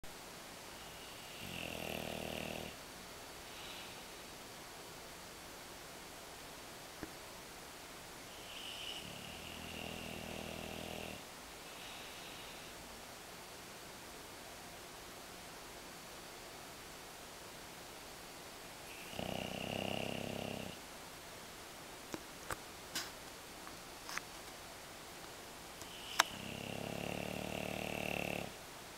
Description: Wilma, the English Bulldog, snoring up a storm.